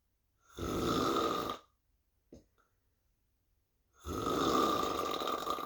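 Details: Snoring: two long, rasping snores about three seconds apart, separated by quiet pauses with a small click.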